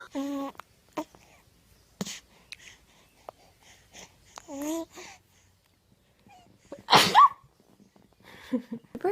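A sharp, brief infant sneeze among baby vocal sounds and adult chatter; an ordinary sneeze.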